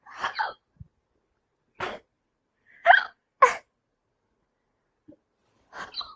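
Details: Girl hiccupping: short abrupt voiced gulps recurring every second or two, with faint clicks between; hiccups.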